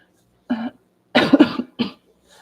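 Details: Several brief, moist-sounding coughs from an adult woman who stutters, recovering from an illness caught from her kids, in a quiet room during a live video.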